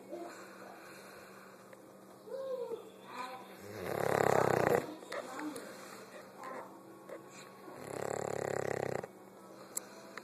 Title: Let snoring dog sleep....